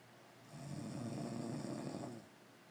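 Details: A grandmother snoring: a single low, rattling snore lasting under two seconds, rising out of quiet room noise and fading away; snoring.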